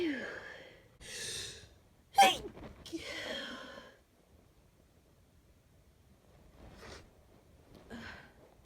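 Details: A few sneezes during a mild head cold with stuffy, runny nose, one sharp and loud (let out when alone), others stifled and breathy (around others), separated by quiet pauses.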